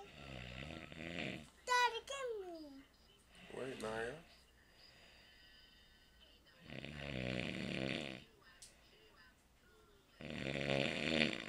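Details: Rattling, buzzy breathing sounds in bursts separated by quiet gaps, with some squeaky noises; snoring during sleep.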